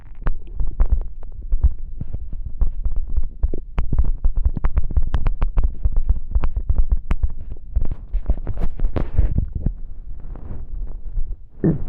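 Loud, continuous low rumbling and churning with irregular bursts: a stomach growling from hunger.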